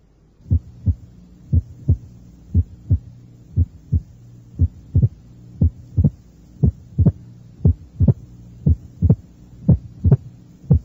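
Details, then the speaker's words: Classic mitral stenosis complex at the apex on a teaching tape: slow regular sounds with accentuated first sound, opening snap masked by a mid-diastolic rumble, and presystolic murmur, reconstructed step by step. "este es el complejo a oculta torio clásico encontrado en la estenosis mitral un primer ruido acentuado un chasquido de apertura un soplo mesos diastólico y un soplo pre sistólico"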